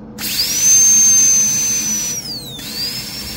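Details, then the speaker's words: High-pitched whine of a high-speed dental handpiece with a coarse diamond bur held perpendicular to the lingual surface, pitch dipping under load, during endodontic access preparation on anterior tooth #8. "so I'm going to just use the uh coarse Diamond bird and those Z bir is always safer but the diameter is kind of big so you need to be careful"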